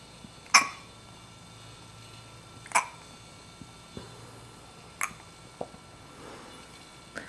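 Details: Short sharp catching sounds, several over seven seconds at irregular spacing, from an infant girl with hiccups, a harmless normal event.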